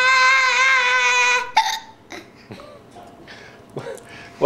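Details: Little boy with hiccups: a child's sustained vocal sound, then several abrupt, brief catching hiccup sounds at irregular intervals.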